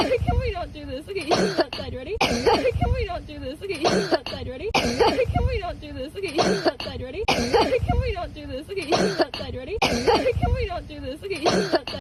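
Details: Compilation of a dog's coughing, with the dog lost on September 18: repeated harsh, honking coughs, about 24 bursts a minute in steady runs, with human voices in the background.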